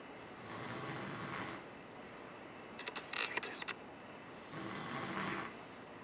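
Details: A person home on vacation, typical snoring during sleep: soft, airy snoring breaths roughly every four seconds, with a brief burst of clicking noise between them.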